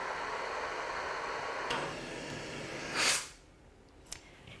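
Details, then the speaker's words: Obstructive sleep apnea CPAP machine: steady airy hiss of airflow, then a soft whoosh as the flow stops when the button is pressed. "to stop the machine blowing you push the same button and that stops it blowing"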